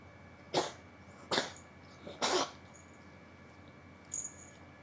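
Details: Cat sneezing repeatedly and oddly, as if something got into its nose: three sharp, snorting sneezes in quick succession, then a softer one, over steady room hum; repeated unusual sneezing.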